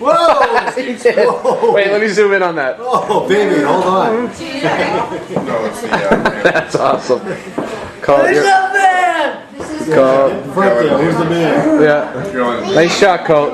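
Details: Adult speaker; typical speech.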